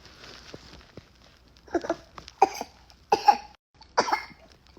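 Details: A few short, high-pitched cough bursts from a small child in a quiet room: cough.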